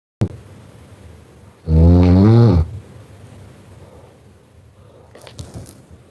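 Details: Girl snoring: one loud, low, rattling snore on a one-second inhalation, then quiet breathing with some room noise.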